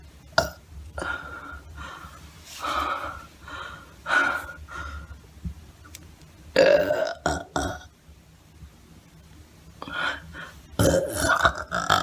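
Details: About eight or nine loud, drawn-out, deliberate belches with quiet pauses between them; repeated burping.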